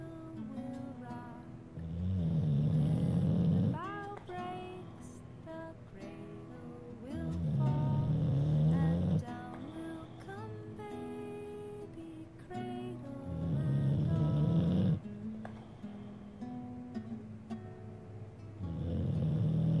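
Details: An American Bulldog asleep and snoring, with low rumbling snores about every 5–6 seconds while a gentle lullaby plays throughout.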